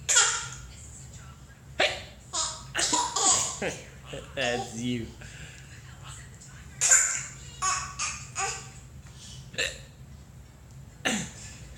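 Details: Person with hiccups struggling to stand: sharp, sudden hiccups recurring every few seconds amid laughter and talk.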